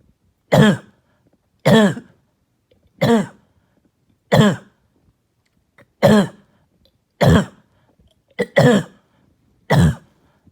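Eight loud, harsh, barking coughs, spaced by quiet pauses, about fifty a minute; a barking cough typical of upper airway irritation.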